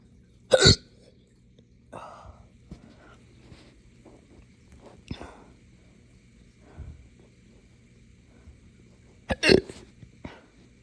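Sharp hiccup-like gulps mixed with short burping sounds, a few isolated events over about ten seconds; hiccups with belching.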